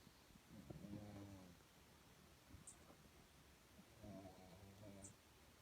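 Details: Sleeping pug resting in a shady spot outdoors at a national park: soft, rattling snores with faint birdsong; snoring.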